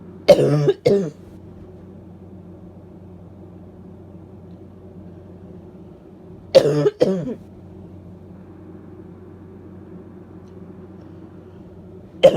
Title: Barking Cough and Cold Sneezes (F)